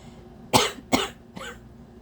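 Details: Cough after spices were put up the nose to irritate it and provoke a sneeze, with visible snot: two sharp, forceful coughs followed by a softer throat sound.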